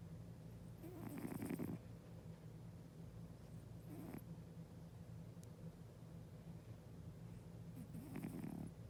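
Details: A sleeping cat snoring, with soft, low snuffling snores, three breaths over about nine seconds, against a steady low hum.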